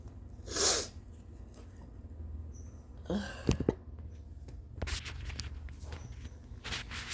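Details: Late-morning sneezes and coughs with a runny nose after a short night's sleep: a quick, hissing sneeze, then sniffing, snorting and nose-blowing noises, with faint room noise.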